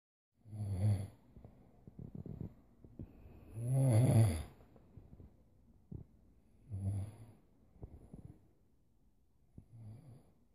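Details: Low rattling snores on each breath in a quiet room, four snores over about ten seconds, recorded as proof of snoring; snoring.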